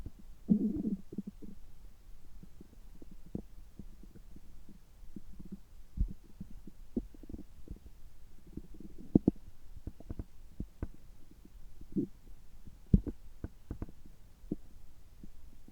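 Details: Adult's abdomen recorded right after a gastroscopy whose result was normal, with low gurgles, rumbles and scattered pops and clicks: active, normal bowel sounds.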